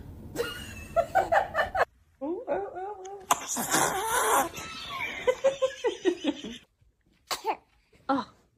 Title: The cutest baby sneezes 😍🥰🩷🤭 #funny #baby